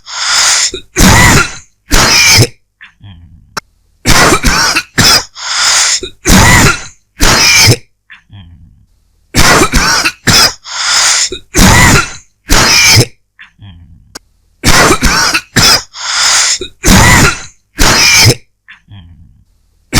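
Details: Dry cough: repeated bouts of short, harsh, dry coughs in clusters with brief quiet gaps between them.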